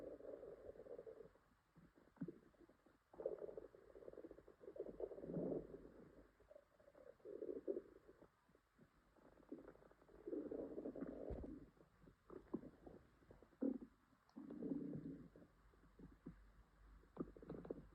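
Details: Repeated low gurgling, bubbling growls in bursts with short pauses from a girl's upset stomach with stomachache and diarrhea: loud borborygmi.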